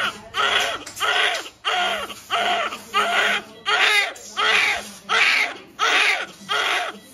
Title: Very cute! This newborn is crying very sadly!